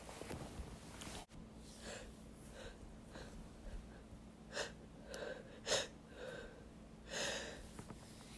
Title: Wet Male Sneezes